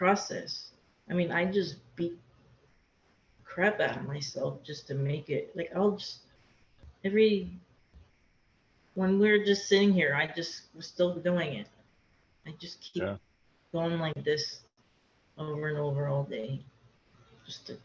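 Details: Aphasia in a woman after a hemorrhagic stroke; she could not talk for two years after the stroke and still has word-finding difficulty.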